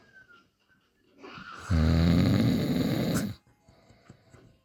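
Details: Snoring.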